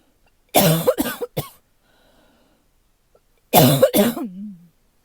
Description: In the fall, my allergies make me pretty tight chested so I end up coughing like this for a day or two when it first gets cold and then it’s gone.